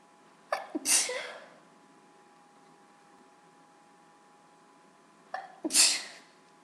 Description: I'm still at the mercy of my allergy, so I recorded this for a request for some wet sneezes.